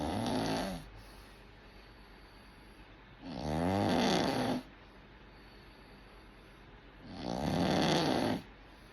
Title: Snoring 😴 away 😊